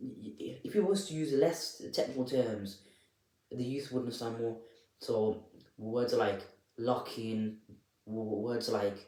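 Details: Adult presenter who stammers, speaking unedited; repetitions of words and syllables are audible; stuttering.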